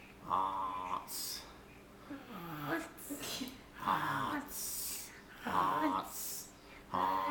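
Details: Repeated nasal snoring with snorting breaths on both inhale and exhale, somewhat irregular, from a sleeper who then wakes; recorded with a Flip Video camcorder.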